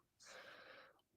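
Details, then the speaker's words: Pet dog sleeping next to a computer, picked up by a streamer's microphone: a single hissing, snorting breath lasting under a second, with little low rumble; snoring. "Ah, is your dog snoring next to the the computer? >> Can you hear Can you actually hear my dog snoring, dude?"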